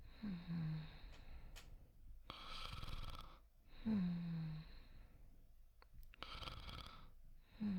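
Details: Simulated snoring, voice acting of a character falling asleep in a sleep video: a soft fluttering snore on each breath in with a hissing breath out, about 16 breaths a minute, in a quiet room.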